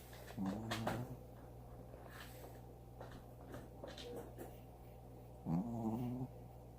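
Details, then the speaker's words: Pet Bella asleep at night, snoring: two drawn-out, slightly tonal rumbling breaths about five seconds apart over a steady low room hum. "He brought the cat upstairs to his room, and like magic, there's no more thumping. So Bella's snoring again, so let's listen."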